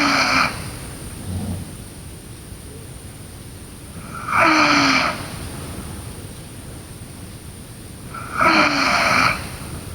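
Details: Sleeping girl snoring: loud rasping snores on each breath in, about 14 a minute, with quieter breathing out between them.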